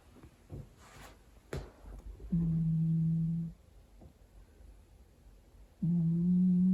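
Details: Steady, low, humming snore lasting over a second on each breath, with soft rustling between, from a sleeping, very overweight 9 kg rescue cat; snoring.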